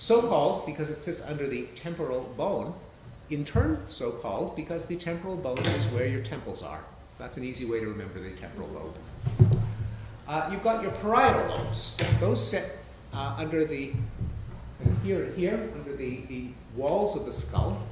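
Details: Adult male speaker; ordinary speech.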